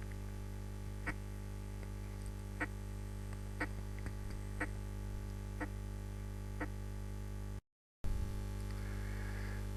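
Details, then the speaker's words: Heart sounds at about 60/min in a normal subject with a barely split first heart sound (mitral and tricuspid components 20–30 ms apart); a physiological minimal splitting of S1, a normal variant. "في بعض الاحيان بيكون الفيرست هارت ساوند مسموع كانه سبليتد، بس في الحالة دي بيكون very minimal splitting، وده normal variant في normal subject."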